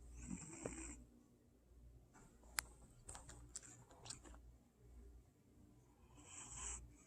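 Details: 11-year-old cat snoring in sleep: soft, breathy, rattly breaths with small clicks and squeaks.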